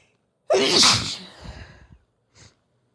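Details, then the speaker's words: Female sneezing after sniffing chhinkni (sneezing powder), feels it tickling; a single forceful sneeze with an explosive hissing burst of air, then a faint breath: sneezing. "I can feel it tickling. Oh, excuse me. It tickles."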